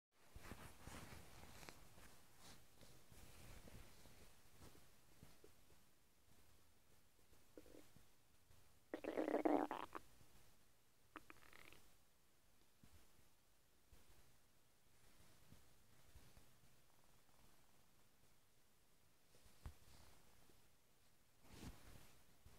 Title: my stomach is making noises like a frog